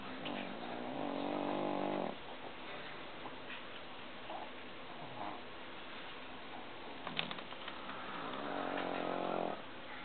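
Two long, rattling, buzzy breaths in a sleeping dog, separated by quieter breathing and some room noise: snoring.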